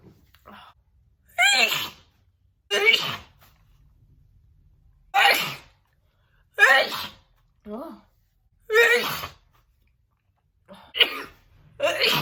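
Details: Woman's big, wet sneeze attack: a run of about seven loud, wet sneezes with short gasps in between.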